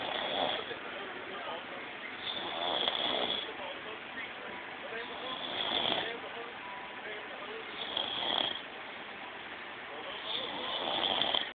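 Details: A man asleep on a bed who claims he does not snore: rough, rattling snores on each breath, about five in twelve seconds, roughly 23 breaths a minute.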